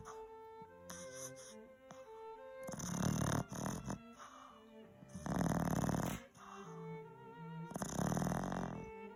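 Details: Sleeping puppy snoring and dreaming: three rough, buzzing snores about every 2.5 seconds under loud background music; puppy snoring.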